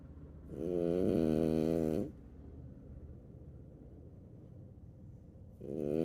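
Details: Male sleeper lying on his sister, snoring: loud rattling snores about five seconds apart, with a quieter breath between them.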